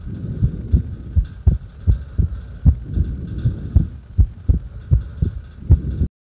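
Dull low thumps over a steady hum, with uneven gaps between beats; an irregular heartbeat during a breath hold.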